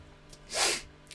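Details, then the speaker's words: Adult livestreamer's sneeze partly caught before muting: a single short, hissy burst of air in a quiet room. "Did Oh, did you get the start of me sneezing? Is that what that noise was?"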